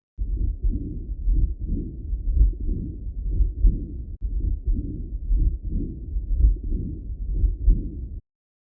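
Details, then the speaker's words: Patient with severe aortic regurgitation: low heart sounds with a continuous blowing noise between beats, fitting the early diastolic murmur. "Let's have a listen to this patient who has severe aortic regurgitation."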